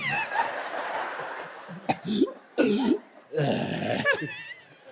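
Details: Adult comedian imitating the cough after a cannabis hit: a few strained, voiced cough bursts for comic effect, with audience laughter and room noise.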